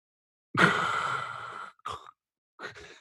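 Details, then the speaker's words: Imitation of obstructive sleep apnea, when the tongue falls back into the throat during sleep: a strained, choked inhaling rasp with brief catches, likened to scuba-diving breathing. "how it sounds it sounds like a if anyone's done scuba diving it sounds just like that"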